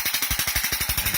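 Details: Rapid, even, loud tapping pulses, about 12 per second, from a shockwave therapy device on the sole of the foot, over the most inflamed spot, where ultrasound confirmed a markedly thickened plantar fascia.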